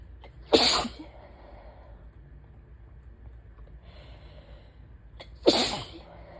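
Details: Person with days of chest trouble, stuffy nose and sore throat, likely allergies and asthma; allergy attack with two loud, sharp sneezes about five seconds apart, each preceded by a brief intake.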